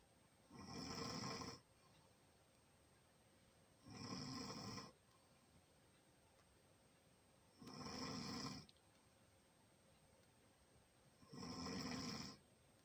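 Four rhythmic, rattling snores about 17 a minute, each about a second long with quiet pauses between; ordinary snoring.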